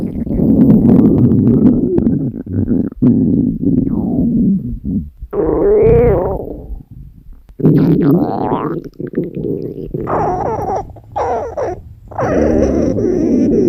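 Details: A woman's hungry stomach growling, recorded: long, loud, shifting growls and gurgles with brief pauses (borborygmi).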